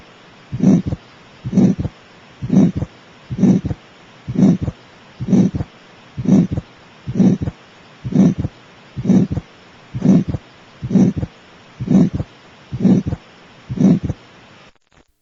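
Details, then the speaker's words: Healthy, happy infant with normal vital signs and exam: soft grade 2 early systolic ejection murmur at the upper left sternal border, consistent with a peripheral pulmonary stenosis murmur. "do hear a soft grade two early systolic ejection murmur at the upper left sternal border"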